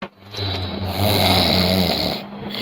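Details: One loud, rough, rattling snore on a breath in, lasting about two seconds.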